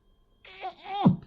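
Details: Person with Tourette's or chronic tic disorder, tics recently worse, trying median nerve stimulation with a TENS machine strapped to the wrist: a brief, sudden moaning vocal tic with a strained rise and forceful grunting end.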